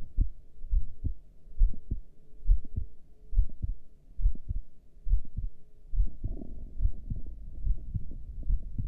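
Steady low thumping heartbeat at about 69 beats a minute, recorded during a breath hold; ordinary heart sounds.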